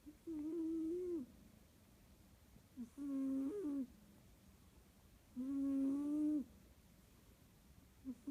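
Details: Sleeping cat snoring: slow, regular purring-toned snores with a low hum on each breath, about three in eight seconds, quiet between.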